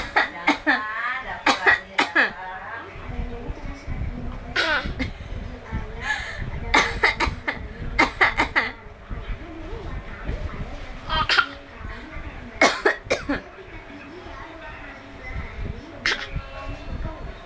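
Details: Child imitating the sound of coughing: repeated short cough-like bursts mixed with speech and laughter in a small room.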